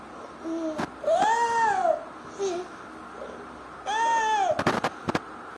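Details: A 1-year-2-month-old boy with bilateral vocal cord paralysis makes high-pitched, musical crowing sounds on breathing in; inspiratory stridor.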